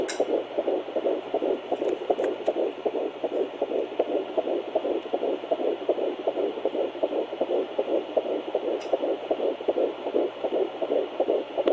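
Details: Fetal heartbeat at 11 weeks 3 days of pregnancy on Doppler: rapid, regular whooshing pulses at about 158 beats per minute.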